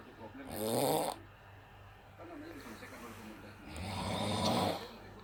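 Two loud, rough snoring breaths with a quieter breath between them, the rattling vibration of the upper airway during sleep.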